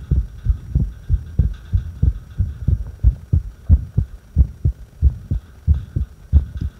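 Low heart thumps at about 92 a minute during a breath hold, with uneven spacing between beats: an irregular heartbeat.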